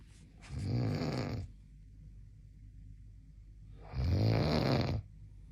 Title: Snoring friends in the middle of the night makes you awake